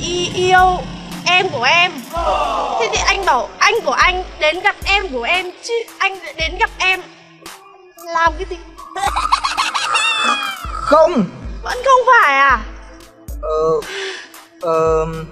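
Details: Adult woman, acted comedy skit; normal speech.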